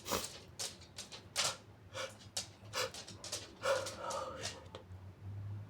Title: muffled big sneezes & wet sniffles